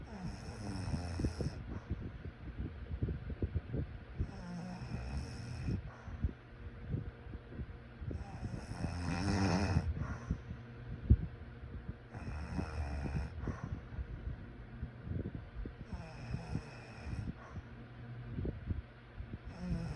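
Repeated rough, low snores, roughly four or five in twenty seconds, with breathing noise between them; snoring during sleep.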